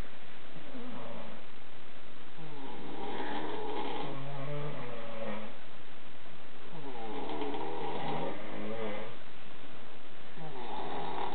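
Loud, rough, rhythmic snoring with repeated low rumbling breaths during sleep.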